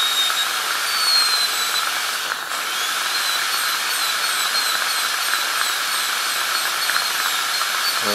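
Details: Steady high-pitched whine with hiss and pitch shifts of a high-speed dental handpiece cutting a tooth preparation, during an ADC practical exam demo of an FGC preparation on tooth #36.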